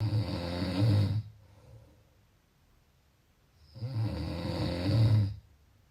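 Two long, loud, rumbling snores on the in-breath, separated by quiet exhalation; snoring at about one breath every four seconds.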